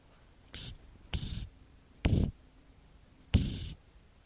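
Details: Cat snoring while resting on a sofa, recorded with an iPhone audio recorder app.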